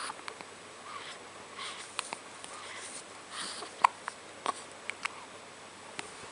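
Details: Brief, sharp, repeated hiccup sounds at uneven intervals against quiet room noise; hiccups.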